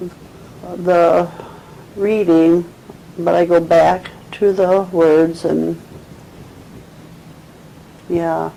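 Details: 74-year-old woman with 2 years of difficulty getting words out, omitting connecting words and fragmented writing, with mild dementia, describing a picture with agrammatic, effortful, halting speech; nonfluent agrammatic primary progressive aphasia.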